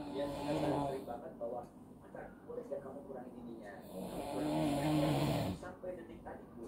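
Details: Loud, rough, throaty rattling snores on each breath with quieter breathing between, recorded in a small room; the snoring of the speaker's father (papa) while asleep.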